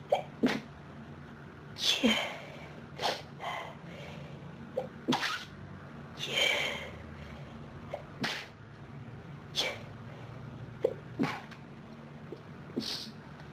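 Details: Sneezing fit: a rapid run of about ten sharp, explosive sneezes with brief breaths between them.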